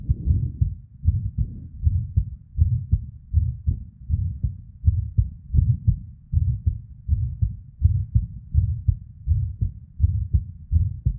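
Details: Irregular female heartbeat, about 80 a minute, uneven spacing with early beats (PVCs/ectopics) and a soft whooshing murmur (blood flow) sound.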